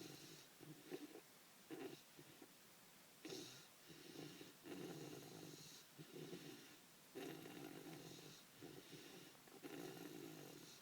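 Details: Person snoring, recorded May 2015: repeated rattling, fluttering snores with each breath, roughly eight to ten in the stretch, over a steady low background hiss; ordinary snoring.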